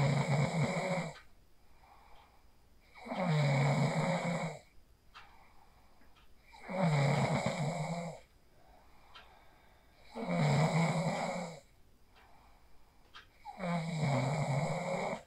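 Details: Real sleep snoring recorded on a phone after practicing the 4-7-8 breathing technique: loud, rattling snores on each inhalation, about 17 breaths a minute, quiet exhalations between, small room; snoring.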